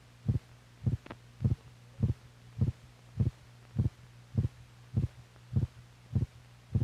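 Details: Heartbeat recording from an old film, possibly 1950s, made for doctors to correlate the heart's physical motion with its sound: regular low thumps about 102/min over a steady hum; normal heart sounds.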